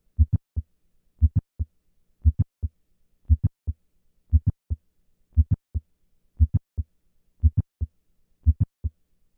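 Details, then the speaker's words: Classic mitral valve prolapse recorded at the apex: simulated heart sounds at about 58 beats a minute, each beat with S1, a sharp mid-systolic click and late systolic murmur, then S2. "listen once again to the classic click murmur of mitro valve prolapse"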